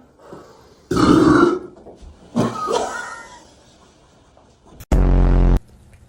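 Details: Deliberate burping in a Sprite challenge: two long, loud, rumbling belches, then a brief, very loud, buzzing burst that may be an added sound effect; burping.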